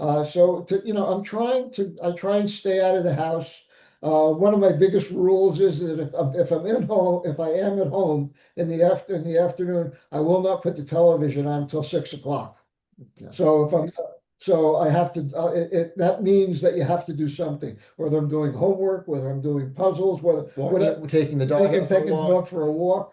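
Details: Post-stroke aphasia in a stroke survivor; aphasia.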